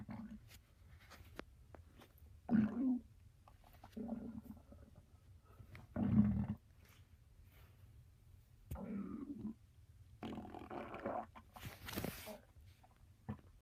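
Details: Irregular low, rumbling gurgles in about seven short bursts separated by quiet gaps in a small room: ordinary stomach growling (borborygmi).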